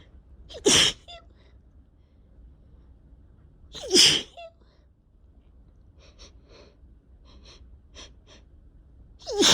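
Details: Spring sneezing in a person who suspects allergies and has also had a cough for two weeks: three loud, sharp sneezes about three seconds apart, each preceded by a quick inhalation, with sniffing and snorting between.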